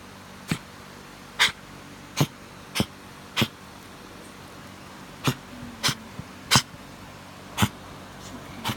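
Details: Animal's cough at 3 am in a quiet small room: nine short, sharp, dry bursts about a second apart; it vomited white foam 30 minutes later.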